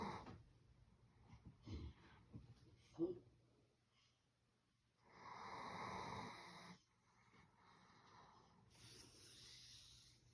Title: Snore like a big dog Zeus! #dogsnoring